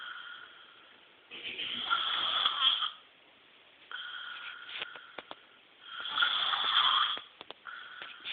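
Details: Chronic snoring, possible tonsillar hypertrophy queried by uploader: loud, harsh, rattling snores, two full cycles with quieter breaths between, about 14 breaths a minute; habitual snoring.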